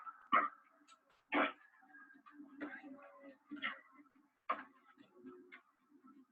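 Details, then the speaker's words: Dog with vet-diagnosed kennel cough (canine infectious tracheobronchitis), prescribed antitussives: five abrupt, harsh coughs in about six seconds, with coughing so frequent it is worsening its condition. "You'll hear a pretty deep cough depending on how big your dog is."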